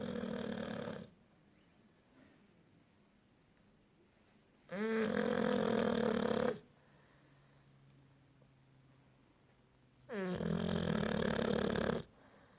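Three long, loud, rattling snores about every five to six seconds, roughly 11 breaths a minute, with quiet pauses between. Heavy snoring.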